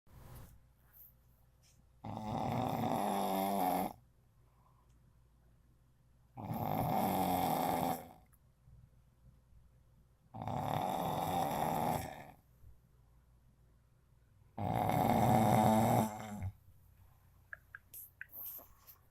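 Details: Snoring loudly: four loud, rough snores on the in-breath, about 15 a minute, with quiet pauses between.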